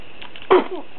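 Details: A single short, sharp infant sneeze with a soft vocal trail afterward, in a quiet room.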